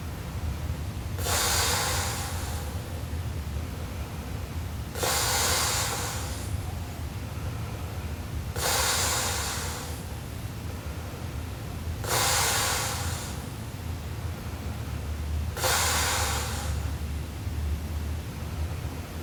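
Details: Sleeping Japanese girl, described as snoring super loudly: slow, regular noisy breaths, about 17 a minute, each a loud rough hissing snort against steady low room hum; heavy snoring.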